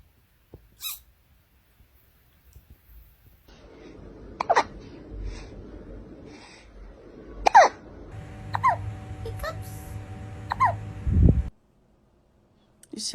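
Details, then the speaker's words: A cat with hiccups makes a few brief, sharp, squeaky hiccups at irregular intervals over room noise; the owner wonders if it ate its food too fast. "Do you have the hiccups? Oh, baby."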